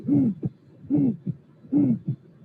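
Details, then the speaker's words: Aortic stenosis with musical quality, real unfiltered auscultation with room noise: three cycles of loud, tonal, cooing systolic murmur followed by a short second sound; thorax acting like a musical instrument. "So sometimes we hear something that remembers us music sounds. Let me show you this example. So this is a aortic stenosis with a musical impression."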